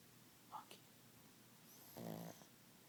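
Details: Sleeping animal called Monkey, possible dog sleep apnea questioned: a brief soft squeak, then a short low buzzing snore on one breath in a quiet room; snoring.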